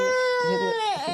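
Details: Toddler with possible croup, a cough and audible phlegm, seen by a GP: sustained, high-pitched distressed cry that wavers and breaks at the end during a throat examination.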